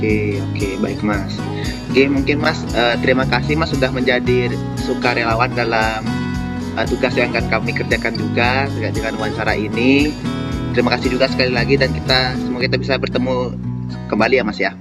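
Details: Adult male speaker; typical speech.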